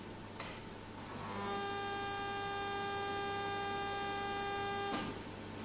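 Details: Paediatric radiotherapy session, with a child lying alone under the treatment machine for daily treatment over a few weeks: a steady electronic buzz rises for about four seconds over room hum, then stops as the beam is delivered.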